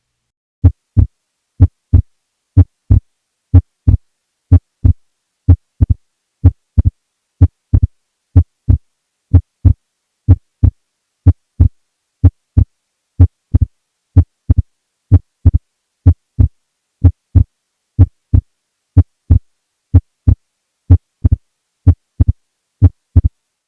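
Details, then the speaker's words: Wide splitting of S2: regular heartbeat near 62 per minute, with the second sound split on expiration and widening further on inspiration. "In this scenario, S2 is split equally in inspiration and expiration. It is most commonly described in the setting of a large ASD, or atrial septal defect, but is also described in severe RV failure."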